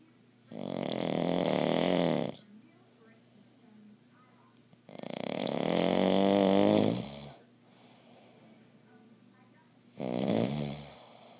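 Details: 55-year-old man with obstructive sleep apnea who uses CPAP, asleep during a TV show before putting CPAP on: three loud, rough snores about 2 seconds long with quiet gaps, TV faint in background.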